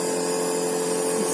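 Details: Norditalia compressor nebulizer running during a child's inhalation treatment for cough and runny nose: steady, unchanging motor hum with a constant buzzing tone and a hiss of airflow.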